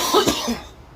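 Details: An adult coughs twice in two quick, dry bursts close together after taking a dab of cannabis extract, then quiet; cough.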